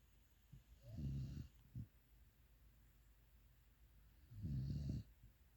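Two low, rattling snores a few seconds apart, with quiet breathing between them; a sleeping dog snoring.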